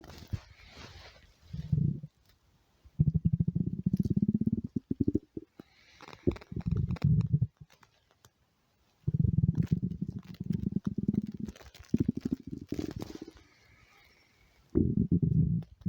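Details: Stomach growling from hunger: long, low, rumbling gurgles that come and go in stretches.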